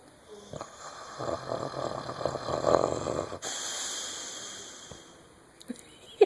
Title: Bentley Snoring